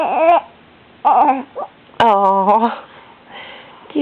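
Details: Infant boy fussing with short cries and whimpers, with brief pauses, during a bout of hiccups; he gets hiccups several times a day, usually around 10 pm, and they make him cry.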